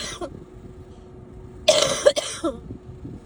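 A harsh double cough with faint traffic noise in the background.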